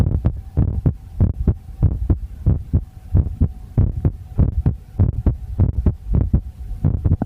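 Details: Heartbeat.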